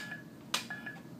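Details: A soft click then brief electronic beeps as a button is pressed on a manual monitor-defibrillator while cycling through ECG leads, in a quiet room.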